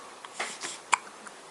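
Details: Young child with hiccups, possibly a baby, while an adult asks for more: faint, brief catching sounds over room hiss, the sharpest about a second in, fitting hiccups.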